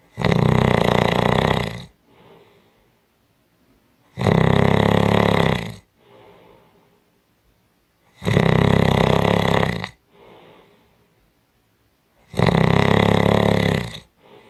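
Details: Strong snoring: loud, harsh, rattling snores on each breath in and quiet breaths out, about 15 breaths a minute; heavy snoring.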